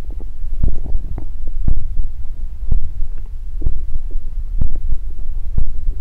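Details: Deep, low rumbling with irregular gurgles and soft pops from the stomach; stomach growling (borborygmi), gas and fluid moving through the gut.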